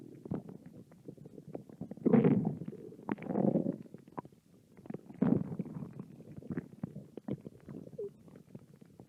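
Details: Hungry American girl's stomach growling: low gurgling rumbles swell and fade several times among soft bubbling clicks; hunger-related bowel sounds.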